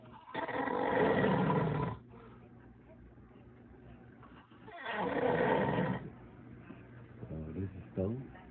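Two long, loud, rumbling snores on the in-breath about four seconds apart, with quieter breathing between; ordinary snoring.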